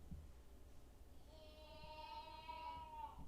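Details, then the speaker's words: Infant girl who yells rather than cries: a faint, sustained high-pitched yell in the background of a quiet room, an ordinary baby vocalisation. "Yeah, that's our baby. She just yells. She doesn't cry."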